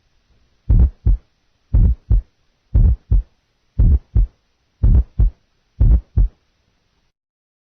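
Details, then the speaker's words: Simulated rumbling heart murmur, mainly low frequencies, at about 58 beats a minute with a low-pitched rumble; nursing heart-sound assessment teaching recording. "now a rumble mainly low frequencies"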